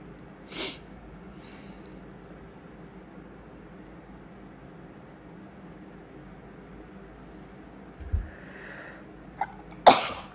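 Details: Two sneezes, a sharp burst near the start and a loud one at the end, over quiet room hum with a faint breath between; sneezing.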